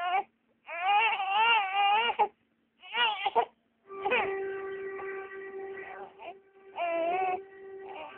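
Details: Crying of a 3-month-old infant girl: rhythmic bursts with wavering pitch and short breath pauses over a steady background hum; ordinary infant cry.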